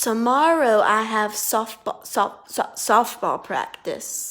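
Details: Female speech therapist deliberately saying a sentence with bumpy speech for a student to identify the bumpy word; acted stuttering (imitated).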